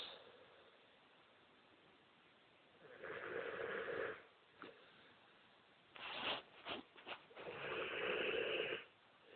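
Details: Mastiff dog deeply asleep, snoring loudly: two long, rough snoring breaths with a few short snorts between them, in a quiet room.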